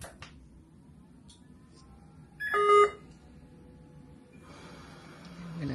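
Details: Philips Respironics V60 BiPAP powering on: a brief electronic alarm tone over quiet room noise, the normal start-up alarm heard before it is silenced; ventilator power-on alarm.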